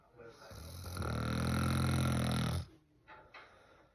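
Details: Man snoring beside his partner: one long, loud, rattling snore, rising then cutting off, followed by faint breath sounds; ordinary snoring.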